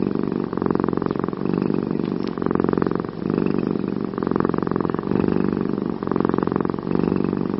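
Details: Sleeping cat: loud, rough, rattling snores in steady rhythm, about 30 breaths per minute; snoring.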